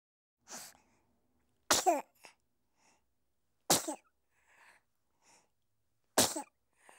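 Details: Three sharp, high-pitched baby sneezes with soft breaths and a quieter sound between them: infant sneezing.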